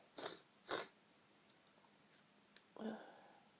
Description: Lots of girly sneezes..... i'm laid in bed surrounded by tissues right now....